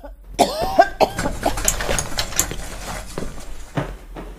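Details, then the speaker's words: Simulated comedic cough by an adult actress: loud, harsh, bark-like coughs exaggerated for audience impact, performed as the first of several acted cough styles, a "shock value" cough; cough. "number one ubong may shock value Sakto lang ang kahol pero idadaan mo sa paglupig for audience impact"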